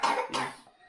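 A child gives two quick, harsh coughs in close succession, each a short noisy burst.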